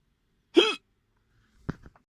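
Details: Strong hiccups while eating in a car: one loud, abrupt hiccup with a sharp vocal catch, then a quieter sound.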